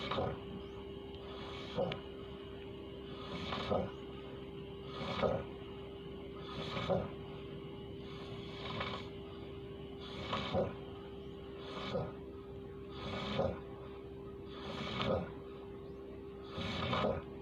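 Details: Adult man snoring: rough, rattling snores repeating about every one and a half seconds, roughly 36 a minute, over a steady hum. Ordinary snoring.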